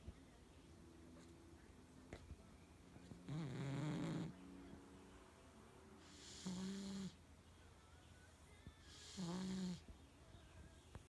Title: Keeps snoring